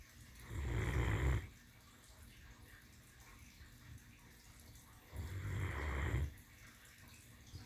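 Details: Female Great Dane sleeping on her pillow, two slow, deep rumbling breaths about five seconds apart with quiet pauses between: snoring in a sleeping dog.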